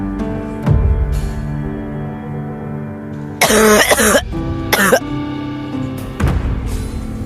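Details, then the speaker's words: Acted cough in a comedic Filipino skit about a spouse's persistent cough, compared to a barking dog; the spouse is urged to get a checkup and medicine. "Gamutin mo nga yang ubo na yan. Baka mahawa pa ako sayo eh."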